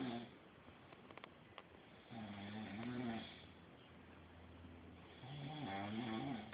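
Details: Snoring.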